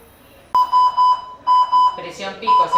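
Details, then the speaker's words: Repeated high-pitched alarm beeps in short groups with brief background talk: Hamilton Galileo mechanical ventilator alarm in volume ventilation, pediatric ventilation workshop. "obviamente que están las alarmas y eso es lo que me va a pasar en los traslados"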